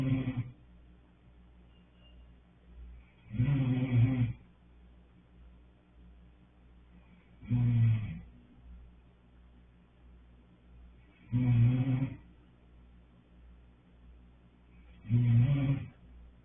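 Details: Low rumbling snores recurring about every four seconds, roughly 16 a minute, with quiet between; ordinary snoring.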